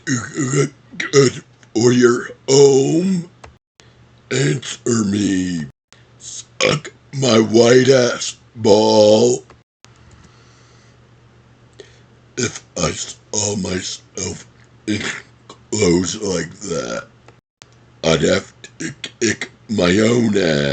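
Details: Deliberate burp-talking performance: prolonged, deep, croaky burp voicing shaped into spoken movie-quote phrases.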